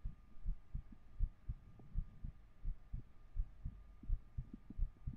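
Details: Heartbeat recorded with a 3Dio binaural microphone during an ASMR stream: soft low paired thumps at roughly 80 beats a minute with faint room hum.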